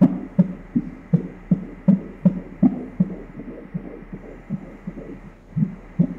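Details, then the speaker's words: Fetal heartbeat on ultrasound Doppler at 13 weeks of pregnancy, first baby, a single male fetus who is moving: rapid rhythmic whooshing pulses at about 160 a minute that change and partly fade midway, within the normal range. "Det lyder mest ligesom den ændrer. Lyden ændrer sig lidt, fordi han bevæger sig."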